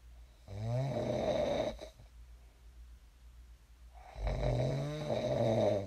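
Two long, low, rattling snores on the in-breath with a quiet pause between them: ordinary snoring during sleep.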